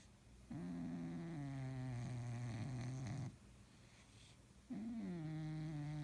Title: Sonny, The Snoring Cat